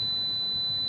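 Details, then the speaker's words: Tinnitus simulation of a sound heard inside the ear 24 hours a day: steady high-pitched ringing tone with faint low hiss. "இந்த சத்தத்தை கேளுங்க இந்த மாதிரி ஒரு சத்தம் காதுக்குள்ள 24 மணி நேரம் இருக்கு"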